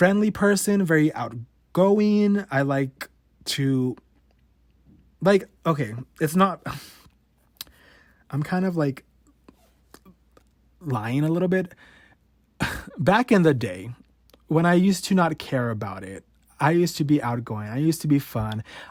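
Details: 28-year-old man who has stuttered since about age 5 or 6, had therapy in elementary school, worsening as a teenager; sometimes cannot get out a word or syllable; real, unedited stuttering.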